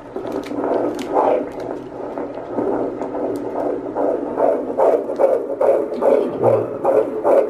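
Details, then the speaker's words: Rapid, regular whooshing pulses at about 145 a minute, described as a strong heartbeat: fetal heartbeat heard on ultrasound at a prenatal visit in a third pregnancy, before the sex is known. "is it a boy or a girl yeah sounds good yeah he strong heartbeat awesome perfect"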